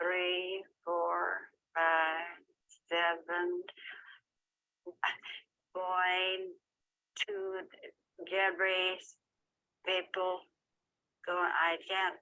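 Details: Conduction aphasia in a patient counting to ten, skipping numbers and unable to continue, with impaired repetition.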